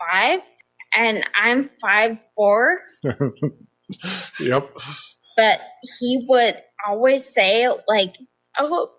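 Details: Adult woman with progressive ataxia of still-undiagnosed type despite many genetic tests, onset at age 26, affecting nerves, balance and speech, with nerve pain; mainly a wheelchair user: ataxic dysarthria.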